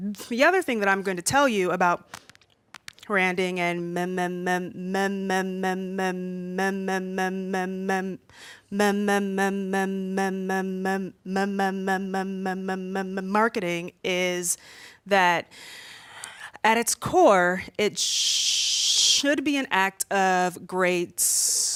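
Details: Stuttering with repetitions, in an adult woman aged 32 who has stuttered since about age three and says she stutters more when nervous speaking in front of a room.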